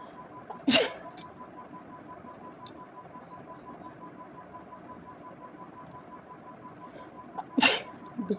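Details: Two sharp, explosive sneezes about seven seconds apart over quiet room noise; repeated sneezing deliberately provoked by tickling inside the nose with a twisted sari end.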